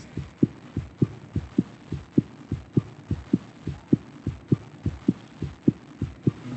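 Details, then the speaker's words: Child's heartbeat recorded with a stethoscope microphone at Cincinnati Children's Hospital by a creative arts therapist: steady, regular, fairly quick heartbeat with soft paired thumps over a low hum. "Brian was able to use a stethoscope microphone and record my son's heartbeat. To be able to have that and carry that around on my phone is his heartbeat, you know what I mean?"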